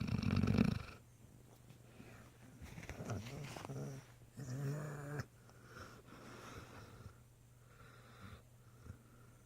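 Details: Great Dane puppy snoring while sleeping, exhausted after a long day visiting a nursing home: soft, low rumbling, purring and fluttery breaths with a few louder snorts among quieter stretches.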